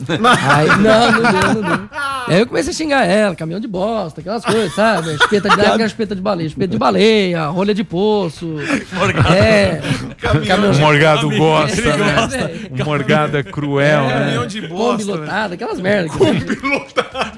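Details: Adult man with Tourette syndrome since childhood; vocal tics present during speech, which he says he used to hold back and now lets out more.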